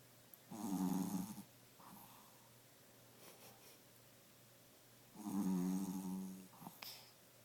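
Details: 12-year-old 5 lb male Pomeranian dog snoring like an old man: two loud, buzzing snores several seconds apart with soft breathing between; snoring.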